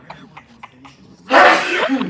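A few soft breathy lead-in sounds, then one loud explosive sneeze with a noisy release. Laughter and talk around it.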